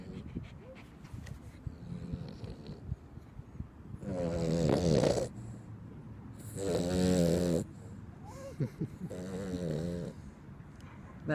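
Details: 15-year-old female Dachshund sleeping on the owner's lap at a dog park, snoring, which gets a bit loud: two or three loud rattling snores several seconds apart, with quieter breathing and soft snuffles between.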